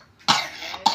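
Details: Young girl, unwell with an itchy throat after eating cookies, coughing repeatedly: a single harsh cough followed by the start of a second burst.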